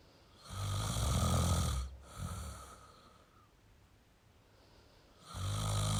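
Loud, harsh, buzzing snores with a quiet pause between them as the breath goes out; heavy sleep snoring.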